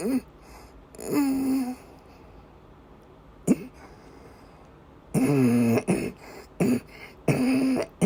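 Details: Woman during persistent asthma attacks with migraine-cluster headache complex, with coughing and vomiting: repeated harsh coughs and throat-clearing with strained, voiced, retching-like efforts between quieter pauses; persistent coughing during an asthma attack.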